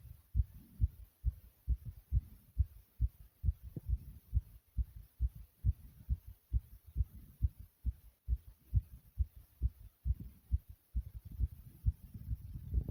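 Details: Self-recorded heartbeat: regular low thumps at roughly 136 beats per minute, a fast heartbeat.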